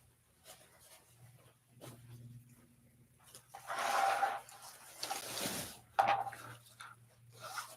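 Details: Stomach growling (borborygmi).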